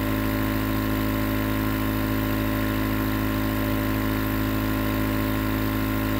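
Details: Nebulizer compressor recorded as 20 minutes of sleep white noise: steady mechanical hum with a fast, even pulsing buzz underneath as the nebulizer runs.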